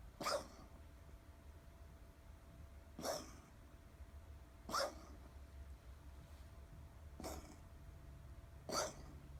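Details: Five short, sharp cough bursts, roughly every two seconds, from a dog in a quiet room; coughing.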